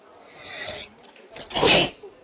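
A short breathy intake, then one sharp, explosive sneeze; a plain single sneeze.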